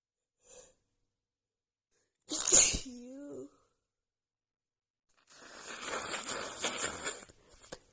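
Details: Woman with a head cold who sniffed a tiny bit of black pepper: a single forceful sneeze with a brief voiced trail, then a longer stretch of noisy nose blowing; sneeze.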